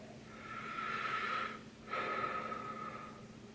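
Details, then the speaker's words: One deep breath in and out on request during stethoscope lung auscultation in an adult male's head-to-toe assessment, with noisy airflow and a faint whistly edge. "I'm just going to listen to your breath sounds if you can just take a deep breath every time I touch with my stethoscope at the part"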